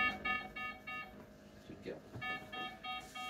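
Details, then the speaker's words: Patient monitor sounds repeated high electronic low-heart-rate alarm beeps, rate dropping to 49-48, in a girl with 22q who is having seizures, after a third dose of medication; oxygen saturation is 98% on maximum level-four oxygen. "That's heart rate dropping down to 49 48."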